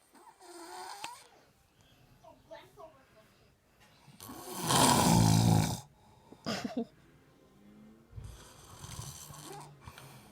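Loud rasping snore in the middle, with softer grunting and breathing noises around it; an ape snoring.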